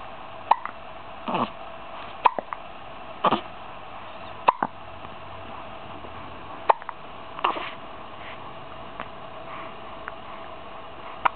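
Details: 15-day-old baby girl with hiccups again: repeated short abrupt gulping clicks about every one to two seconds against steady room hiss.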